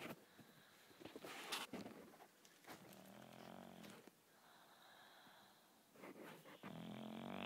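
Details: Dog snoring: quiet, rough, snorting snores on repeated breaths, with faint room noise.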